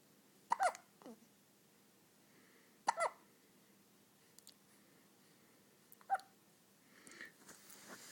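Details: Hiccups in a baby boy: three sharp, brief hiccups a few seconds apart in a quiet room, with soft baby noises near the end.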